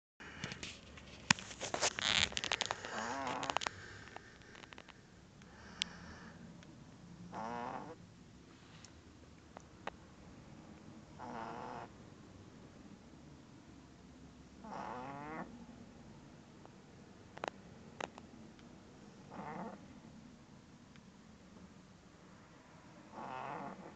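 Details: A sleeping pug puppy snores with rattling, fluttery sounds repeating about every four seconds, roughly 15 breaths a minute.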